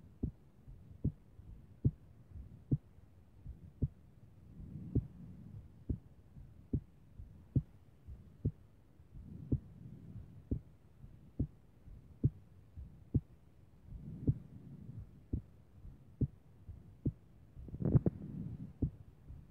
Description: Irregular but strong..